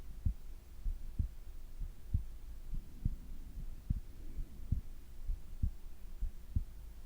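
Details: Heart and breathing sounds recorded during sleep: soft low thumps at about 65 beats a minute over a faint steady hum; normal heart sounds.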